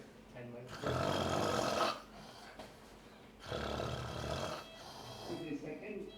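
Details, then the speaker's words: Snoring during endoscopic airway assessment without local anesthesia, nose packed with decongestant, supine patient in apneic episode with vibrating palate and anteroposterior collapse: two loud rough snoring breaths about two seconds apart; snoring. "can you hear the snoring sound this mic is on"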